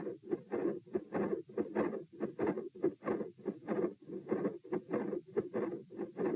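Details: Heart sounds recorded at position P while lying, sitting, standing, then lying again (78-84-108-78 bpm): steady, muffled paired beats about 95 per minute, showing heart rate change with body position.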